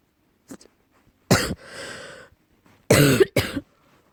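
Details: Deep cough, tagged allergy: a few deep, harsh cough bursts with a breathy pause between them.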